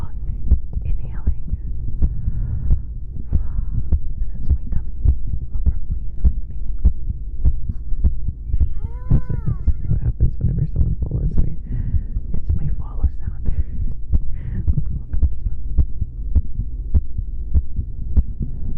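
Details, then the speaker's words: Heartbeat recorded for ASMR, steady low thumping at roughly 80 a minute under muffled humming, with a brief chime; tummy noises and breathing also audible; normal heartbeat. "There it is. There's my doki doki. And while I do that, I will also hum a song for you, which should hopefully be muffled."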